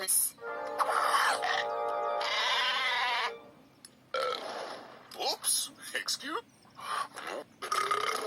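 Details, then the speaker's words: Repeated throaty burps, some long and drawn out, over background music; belching of surplus swallowed air after eating a meal. "after eating a meal our tummy might feel bloated and heavy and since the surplus air needs to get out that's right it makes us burp it makes us burp ourselves"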